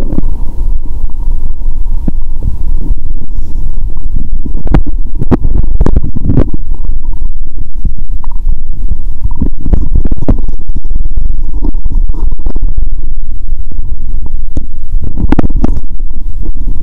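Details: Abdomen after finishing the Mentos with cola, stomach painful and bloated: loud, continuous low rumbling with scattered sharp gurgles and pops; active bowel sounds.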